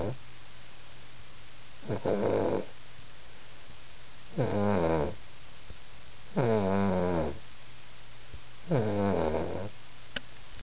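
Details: Sleeping person snoring: regular rumbling snores with vibration on every breath, about 4 breaths in 10 seconds, a slow sleep rhythm.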